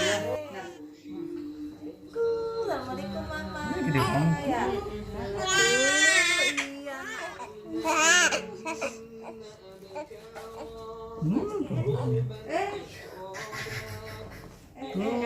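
Intermittent newborn crying and whimpering over background music and voices.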